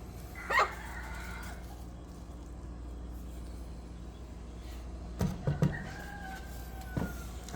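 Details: Cough from a rooster, the second of two recordings.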